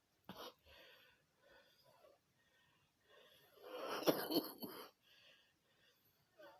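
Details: Recurring cough: soft breathing and small throat sounds, then a rougher burst of coughing in the middle.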